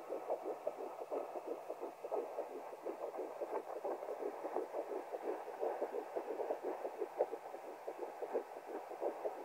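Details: Fetal heartbeat at 10 weeks 3 days of pregnancy heard by Doppler: rapid, steady whooshing pulses with a low hum behind.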